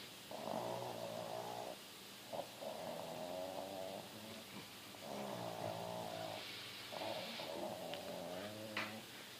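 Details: Pug, a flat-faced dog, snoring in sleep: slow, rhythmic rattling snores on each breath over steady room noise.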